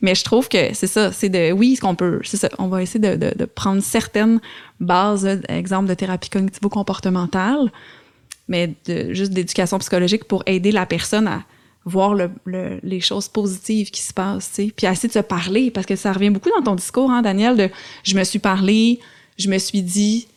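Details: Adult woman speaking French; fluent speech.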